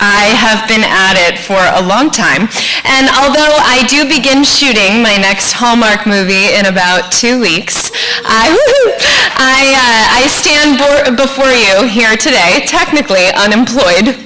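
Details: Adult woman speaking; ordinary speech.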